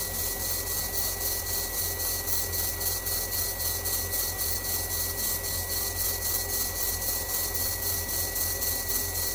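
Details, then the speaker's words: Dental implant drilling for a gold front tooth in an awake patient who reports mild pressure: steady high whine and hiss of the drill with suction, widening the implant site after reaching the needed length. "Good, so we're down to the length we need to be, it's not going to be any more of that sensation. Just widening now."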